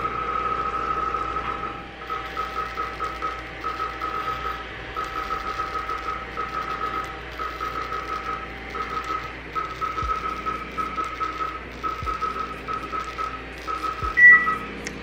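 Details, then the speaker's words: Clear + Brilliant fractional laser facial treating the face for hyperpigmentation, pores and fine lines: a rapid, steady run of soft electronic pulses with short pauses over room noise as the handpiece creates tiny thermal zones in the skin. "we're poking little tiny thermal zones or holes into your skin and so we want to keep it as clean as possible"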